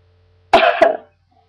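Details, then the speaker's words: An adult sick with vomiting and headache gives two quick voiced coughs run together in about half a second, which she admits may sound fake. "yeah that sound fake I know but it's a cough"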